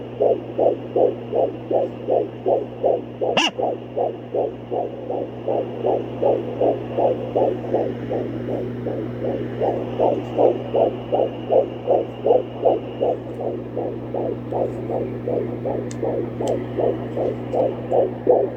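Rapid, regular whooshing fetal heartbeat on Doppler, about 160 beats a minute, over a steady low hum.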